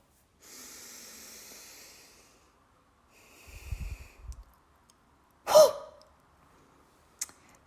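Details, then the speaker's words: Physiotherapist demonstrating the huff (forced expiration technique) for lung rehabilitation: deep breath in, breathe halfway out, then a sharp forceful huff through pursed lips in a small O about 1 cm wide, used to clear mucus. "i'll perform half now so you have an idea of the sound you're aiming for"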